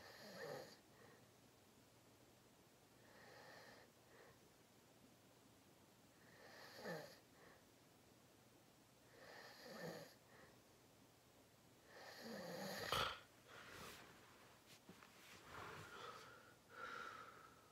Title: Watch me sleep #53: Long Nap! 😪😴Loud Thicc Snoring 💤 Lucid REM Sleeping ASMR Very Deep Big Snores